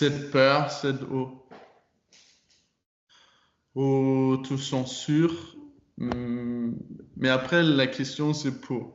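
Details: Stuttering in a 22-year-old man speaking French. He began working on his stutter in his final year of high school and says it changed a lot after that.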